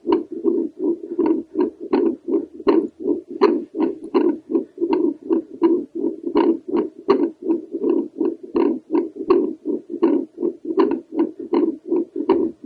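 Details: Doppler heart sounds from an adult woman over the tricuspid valve: rhythmic pulsing whooshes about 80 a minute, slightly uneven in strength; described as heavy and irregular with manipulated breathing.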